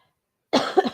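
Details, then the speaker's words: Adult who is sick and trying not to cough into the microphone; a single short, dry cough after a moment of quiet in a small room; ordinary cough during an illness. "I took a couple days off I'm trying not to cough right into the microphone"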